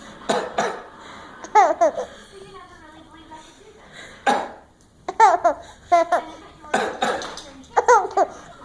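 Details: Cough.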